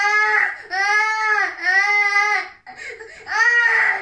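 Sustained, high-pitched rhythmic wails of an infant's cry in a small room.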